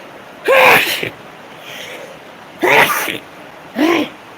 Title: Allergy sneezing fits